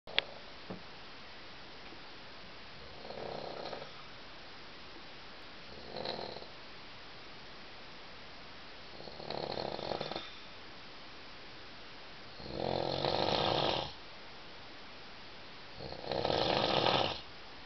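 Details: Adult snoring in a 7-person dormitory after two glasses of wine: five snores at roughly 15 a minute, growing from soft rasps to loud rattling snorts over steady room hiss; snoring.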